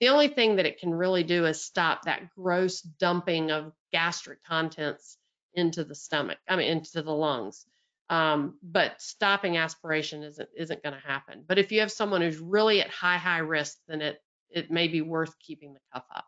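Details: Adult speaker; normal speech.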